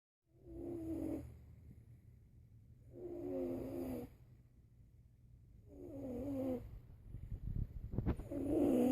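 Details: Regular snoring with a slightly whistling, tonal quality on each breath, about 20 breaths a minute, over a low background hum.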